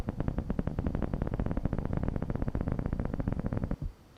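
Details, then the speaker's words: Needle EMG on a volunteer contracting the muscle: dense, rapid crackling pops from the EMG speaker, a normal interference pattern with amplitude and frequency within normative values. "и мы с вами видим вот эту скоторую грамму в середине нашего норматива так то есть это был среднее напряжение"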